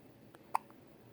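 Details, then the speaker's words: Infant in the hospital with a single short, sharp hiccup against faint room noise: hiccup. "cutest little hiccups, buddy. Finley, did you get the hiccups?"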